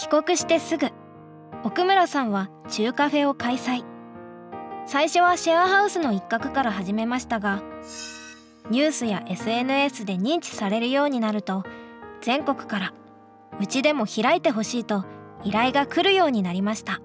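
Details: Adult female narrator; fluent speech.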